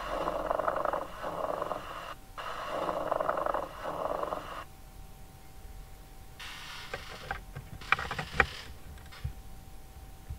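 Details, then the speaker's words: Textbook teaching recording of coarse, grating rubbing sounds with the breaths, from thickened, fibrosed parietal and visceral pleura unable to slide, likened to leather rubbing on leather. Pleural friction rub. "vamos falar nosso último som adventista que atrito pleural é aonde que a gente vai ouvir atrito pleural onde tiver uma doença da pleura em que causa um espessamento uma fibrose da pleura pela pleura parietal e visceral não consegue"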